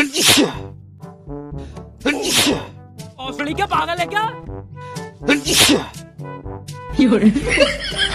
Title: Sneezing Prank 😱 On Cute Girls With A Twist | लड़की के उपर छींकने से जो हुआ देखें